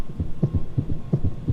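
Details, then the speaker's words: Simulated heart sounds heard by stethoscope on a virtual reality patient: rapid, regular beats at about 170 per minute; supraventricular tachycardia, to be treated with adenosine. "I'm gonna listen to your heart holy guacamole you are running"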